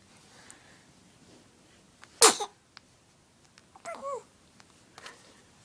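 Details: 4-month-old baby sneezing: a single sharp, explosive burst followed by small whimpering sounds.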